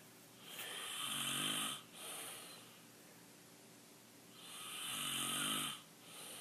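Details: Father snoring in sleep, recorded without his knowledge: two loud, rattling inhaled snores about four seconds apart with quiet breathing between.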